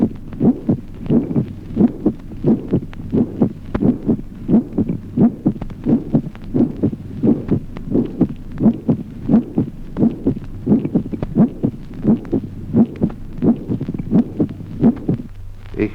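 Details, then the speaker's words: Resonant first heart sound: regular heartbeat about 87 per minute with an exultant musical timbre on some isolated first sounds. "Ejemplo 26. Resonancia del primer ruido. Timbre musical exultante de algunos primeros ruidos aislados."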